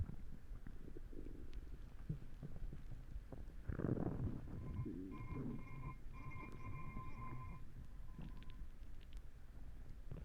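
Low rumbling gurgles with a louder surge and brief high squeaky tones, typical of stomach growling.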